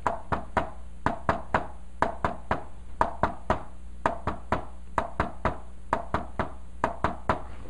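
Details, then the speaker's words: Third heart sound (S3 gallop) demonstrated by imitation in a teaching lecture, one-two rhythm with an added third sound, contrasted with normal S1-S2. "now if i'm going to add a third heart cell to it this is what it's going to sound like one two"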